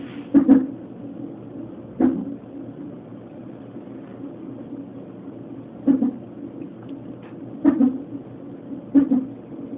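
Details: Non-stress test monitor at 32 weeks of pregnancy: a steady whoosh broken by sharp, regular thumps every one to two seconds; fetal hiccups.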